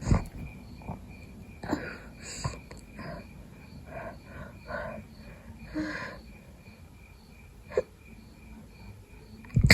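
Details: Person with a cold trying to fall asleep in the middle of the night: soft congested sniffs, stifled sneezes and nasal snorting; snotty sneezing, nose blowing and slight coughing from a cold.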